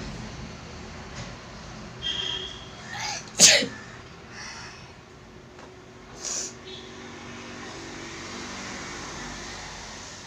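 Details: A few sneezes in a quiet room, one loud sharp burst with smaller ones around it, during a sneezing challenge using chikini powder; sneezing set off by the powder.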